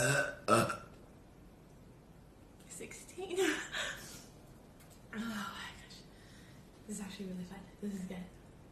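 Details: Girl burping after drinking very fizzy club soda: two short loud belches, then soft voiced sounds and a few quieter burp-like croaks.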